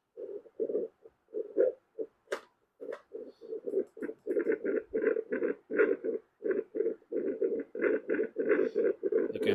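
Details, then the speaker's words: Handheld fetal Doppler (Accusure FD-03) placed over an adult's heart without gel: rapid, muffled whooshing pulses that are distorted and unclear, with an incorrect displayed rate. "now that is a heart bit sound the value which comes is also not right let me take this close to the mic and show you how the sound is distorted it's not a very clear sound as you can make out"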